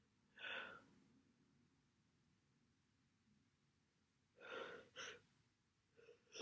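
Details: Two or three forceful, hissing sneezes with quiet breathing between; sneezing with a head cold.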